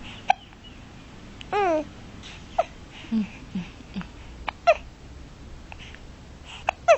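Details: Baby with infant hiccups: several abrupt little catches repeating irregularly, with short squeaky vocal sounds, in a quiet room.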